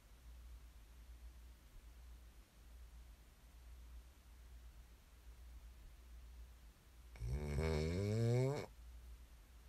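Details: ASMR snoring recording made for listening to fall asleep: quiet breathing noise, then one loud rattling snore on breathing in.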